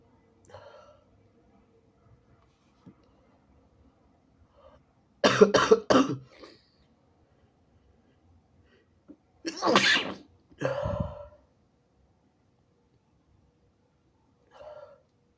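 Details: Induced sneezes that the person tries to hold back: two clusters of sharp, partly stifled explosive bursts with wet spray, separated by a quiet room.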